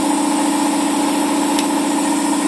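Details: Steady mechanical hum and whir of an Air Techniques L66 twin-head dental air compressor (two 1-horsepower pumps, 220 V) with its cooling fans running.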